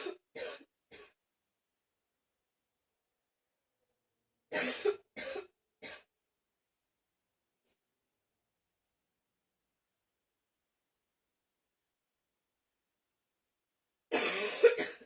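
Short clusters of dry coughs, two or three at a time, separated by silent pauses; repeated coughing bouts.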